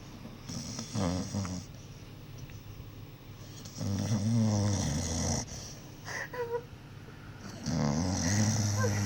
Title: I'M WEAK AF! 😂 FUNNIEST VIDEO OF MY DOG SNORING & DREAMING 😂😂😂😂